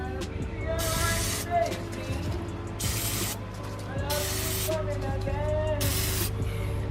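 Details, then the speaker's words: Aerosol screwworm or tick spray applied to an itchy skin abrasion on a dog to keep flies from laying eggs in it: four short hissing bursts over a steady engine hum and faint music. "So I'm gonna do you know, spray a little bit of screwworm or tick spray on it so it doesn't get bad, so there's no problem or whatever."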